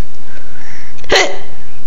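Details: A child asked by mother whether they have hiccups like her gives one abrupt, short voiced catch in a quiet room; a single hiccup.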